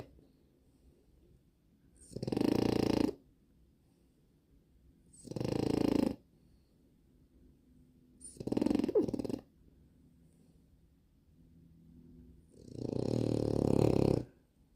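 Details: Four loud, rattling snores, each about a second long, at roughly 16 per minute with quiet pauses between: typical snoring.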